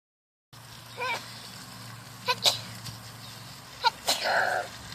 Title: Worlds strongest two year old sneezes, big time.